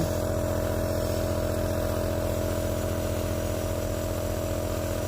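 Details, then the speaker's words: Child Shaka, with a persistent cough that won't clear, gets another steam/nebulizer treatment: steady mechanical motor hum with fast regular pulse of the running compressor. "Hai batuk terus enggak sembuh-sembuh diuap uh"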